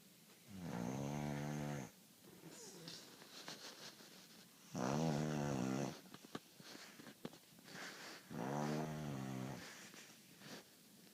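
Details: Three loud, rattling snores about every three to four seconds, with quieter exhalations and faint clicks between them: snoring during sleep.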